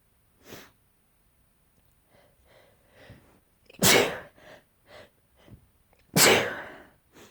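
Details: A sneezing fit: a run of sneezes, two loud and explosive, with sharp inward breaths and softer sniffs between.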